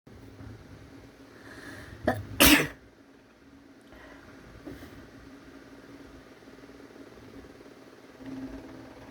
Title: Inducing sneezes